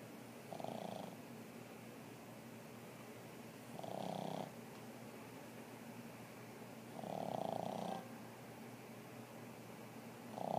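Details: Regular rough, fluttering snores about every three seconds, roughly 19 breaths a minute, over steady room hiss; snoring.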